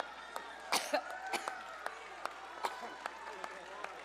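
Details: A woman coughing during a speaking event: a quick run of about three harsh coughs, then faint clicks and throat noises over room hum; she says she's been talking for days and asks for water.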